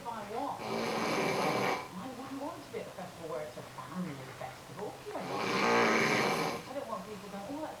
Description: This is my hubby snoring.. this is quite quiet for him.. the tape ran out before he manage to reach a full on snorefest..lol